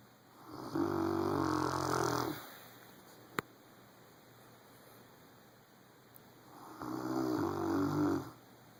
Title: Our Rottweiler Boomer Snoring Loud